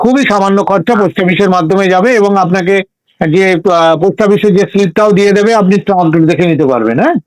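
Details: Adult speaker; Ordinary fluent speech.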